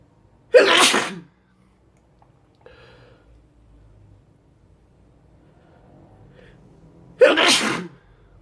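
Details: Two loud, explosive sneezes several seconds apart, with quiet breathing and faint sniffing between them, ending with snot; sneezing.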